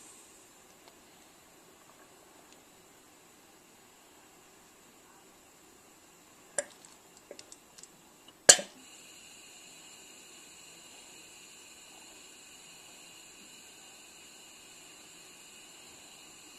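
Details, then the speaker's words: Puritan Bennett 840 ventilator short self-test (SST) circuit compliance calibration with the Y-piece blocked and no water in the humidifier: a steady high hiss, then sharp clicks and a pop, then a steady tone. "so I'm going to press clear now it's doing the compliance"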